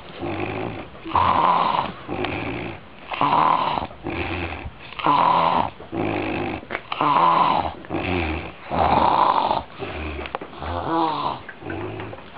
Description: Could you sleep with this kind of noise? See for yourself and imagine.